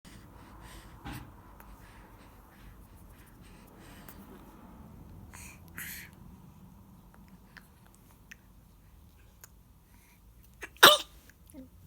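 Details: Tired baby girl sneezing and yawning: a quiet room, then one sharp explosive infant sneeze near the end.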